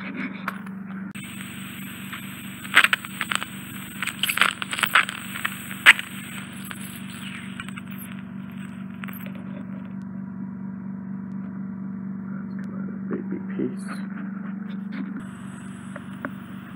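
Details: Microsuction removal of a small residual piece of earwax on the lower eardrum, tucked behind the inferior recess of the left ear, using a Fine End Gauge 18 on a Zoellner suction probe; the client had bilateral occluding wax. Continuous suction hum with crackling, scraping bursts, then steady hiss.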